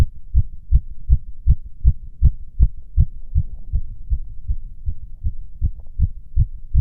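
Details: Self-auscultation of own fast heart rate, recorded standing (orthostatic) and sitting, with tactile exam; tachycardia, otherwise nothing abnormal heard.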